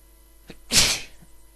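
A faint catch of breath, then one sharp, hissing burst of air: a single sneeze.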